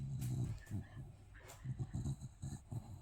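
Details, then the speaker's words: Sleeping dog snoring with low, fluttering snorts and rumbling pulses, faint room noise in background. "est-ce que vous entendez pâau qui ronfle oh sa petite langue il est trop"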